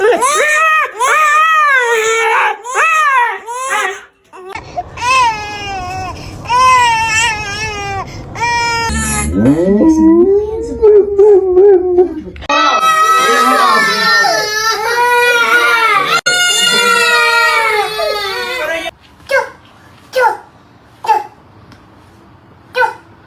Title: No animal can stand the sound of a baby crying#boymom #babybjorn #babyhacks #babytiktok #baby